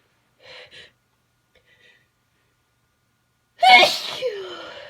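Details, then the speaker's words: During a sneezing fit of unknown cause with repeated stuck sneezes: two faint catching breaths, a pause, then one loud explosive sneeze trailing off. "oh it's stuck I keep getting so close to sneezing and then it just goes away"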